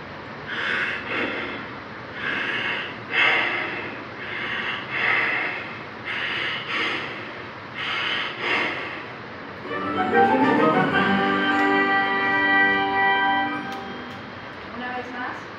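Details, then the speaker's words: Kussmaul breathing played as an example in a pneumology class, described there as pointing to metabolic acidosis: deep, regular, rapid, heavy, noisy breaths that lower blood carbon dioxide to compensate for the acidosis. "Es similar a la taquipnea, pero difiere porque tiene ondas más largas y tiene sentido porque están en estado acidótico este tipo de pacientes, y lo que están buscando es compensar la acidez al disminuir la concentración de dióxido de carbono en sangre, y así es como se escucharía."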